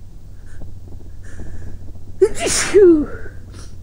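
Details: Person who is sick sneezing while sitting in bed, sneezing and blowing into a pillow: a single forceful sneeze with a sharp intake of breath, partly muffled, in a quiet room.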